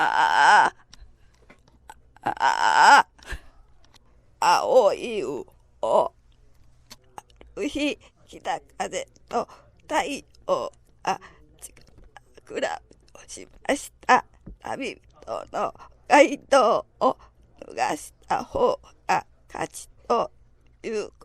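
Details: Adductor spasmodic dysphonia, a focal laryngeal dystonia caused by involuntary spasms that tightly close the glottis, shown as a typical voice sample; adductor spasmodic dysphonia.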